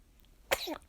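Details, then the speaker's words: Swaddled 36-day-old baby, then falling asleep. A single quick, sharp small burst followed by a brief soft whimper: a sneeze. "아이고, 괜찮아요. 재채기 나왔어요."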